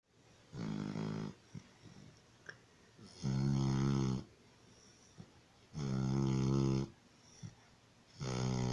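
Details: Loud, rumbling snores on each breath in, about four over nine seconds, with quiet breaths out between; a puppy snoring in sleep after receiving vaccination shots at the vet.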